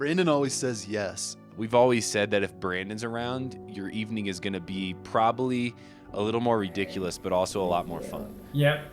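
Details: Adult male speaker; Conversational speech.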